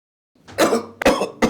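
Three quick, harsh coughs in a row from an adult, acted for a commercial; a plain cough.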